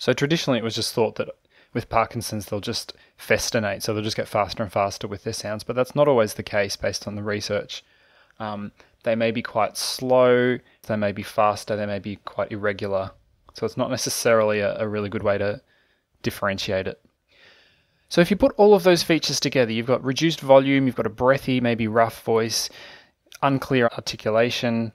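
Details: Adult male narrator; normal speech.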